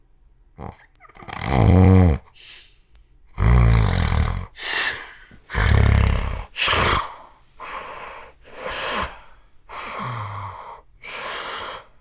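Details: Adult's own sleep recording from 2016, made overnight (11:09 p.m. to 6:20 a.m.): very loud, rough, rumbling snores in quick irregular bursts; extreme loud snoring, attributed to obstructive sleep apnea.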